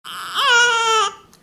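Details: Newborn baby in the first minutes after birth: a single strong cry, clear and steady in pitch, lasting about a second.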